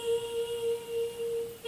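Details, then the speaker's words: Simulated tinnitus: a steady, pure high-pitched ringing squeal, recreating ringing heard after a blow to the head. "in my ears that i couldn't figure out i couldn't hear any of my friends talking to me and all i could hear was that that high pitched like squeal"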